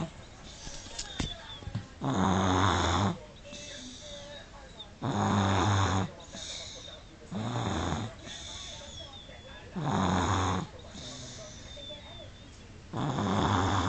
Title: 18 month baby snoring / 18 hónapos babánk horkolása